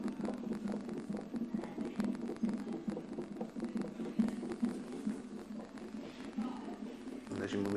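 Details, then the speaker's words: Fetal heartbeat on a bedside monitor during labour, rapid whooshing beats about 136 a minute with room noise, birth expected within about an hour. "So Your next, little heart, can you hear your little heart beating? quite impressive, really."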